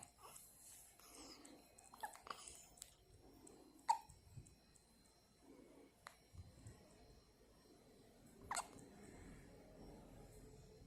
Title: 生後1日目しゃっくりしたまま寝ちゃいました I fell asleep with hiccups on the first day after birth